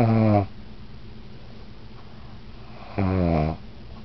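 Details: Female pug, said to be awake, giving two loud, buzzing, rumbly snores about three seconds apart with quiet breathing between; snoring.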